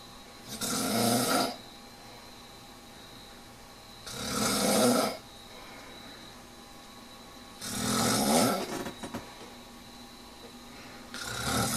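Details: Man snoring, recorded 21 October 2001: loud, regular rattling snores on each in-breath, about 17 a minute, with quiet gaps between. Ordinary snoring during sleep.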